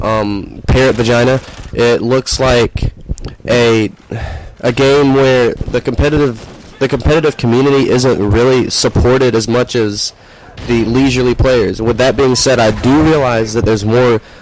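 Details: Tourette syndrome vocal tic (complex phrase, coprolalia) in a speaker who reports Tourette's with involuntary blurted phrases and says he did not take his medication for this recording.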